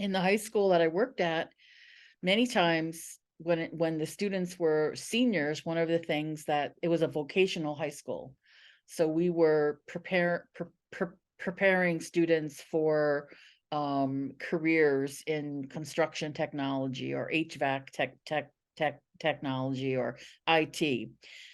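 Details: Adult woman who identifies as a person who stutters and has been a National Stuttering Association member for 17 years; real, non-acted speech showing stuttering.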